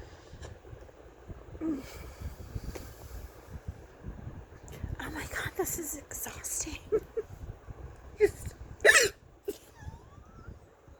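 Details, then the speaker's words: Person with hiccups lasting about 10–15 minutes, unusually long for them; sudden short catching sounds between bits of speech, a few hiccups over ten seconds. "I have never hiccuped long in my life so I'm just like something down here it's like taking 15 minutes I've gotta stop"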